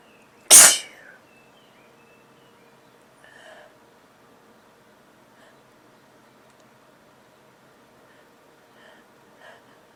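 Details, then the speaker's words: A person with a cold, nose tickling for days and possibly inducing a sneeze after blowing their nose: one sudden explosive sneeze, then quiet room sound with faint small noises. "Um, my nose has been tickling like crazy for the last couple of days and I haven't been able to sneeze very much, so I was thinking that I would induce, but first I really need to blow my nose."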